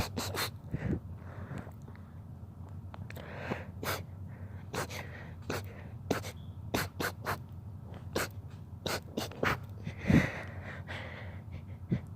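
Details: Rapid run of many short, sharp sneezes in close succession; sneezing fit.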